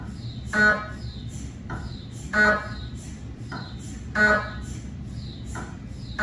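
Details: Cardiac MRI scan noise filmed inside the MRI room on a GE 3T Twinspeed scanner with an 8-channel cardiac coil and test phantoms, not a patient: loud repeating electronic chirps and tonal bursts in a steady cycle over low room hum; MRI gradient noise.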